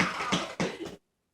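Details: Two harsh, rough coughs in quick succession from a child who has a nasty cough but is still active, during a skating class; then silence.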